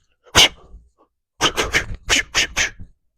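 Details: During a very gentle chiropractic adjustment with deep breaths, a sharp sneeze, then a rapid run of five or six short explosive sneezes or snorts from a small dog; sneezing.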